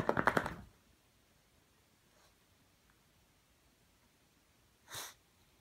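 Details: Beagle dog sneezing in super slow motion: a quick run of snuffling bursts, then after a quiet gap a single sharp, airy blast.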